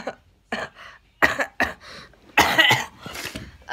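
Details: A child of about 11, nearly 12, gives about six short, deliberate coughs in a row, dry and forced rather than reflexive: a voluntary cough.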